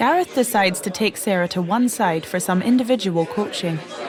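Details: Adult narrator; fluent speech, no speech disorder.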